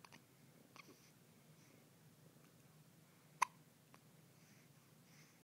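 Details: Hiccups in a two-day-old newborn: a few soft, abrupt catches in a quiet room, one sharper than the rest.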